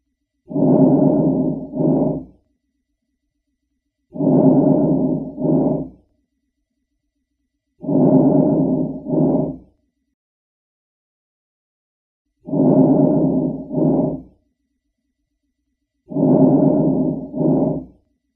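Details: Normal vesicular breath sounds on lung auscultation: soft breaths about 16 a minute, inhalation longer than exhalation.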